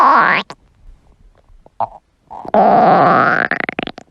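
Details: Hungry stomach growling: long gurgling, creaking rumbles with short bubbly pops between; ordinary bowel sounds.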